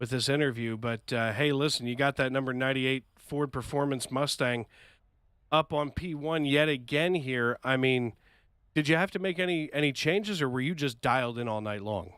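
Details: Adult male speaker; Normal voice.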